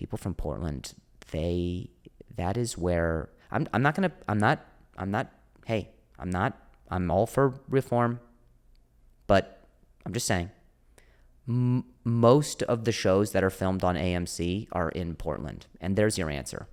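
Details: Adult male comedian who stutters; stuttering with repeated words.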